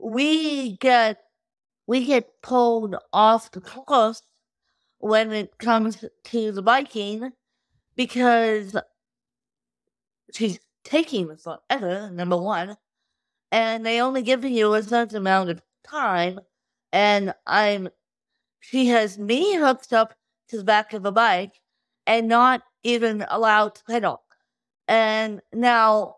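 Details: Adult woman with cerebral palsy since birth, caused by lack of oxygen at birth; she reports difficulty speaking, sitting up and eating, and tires easily: dysarthria in cerebral palsy.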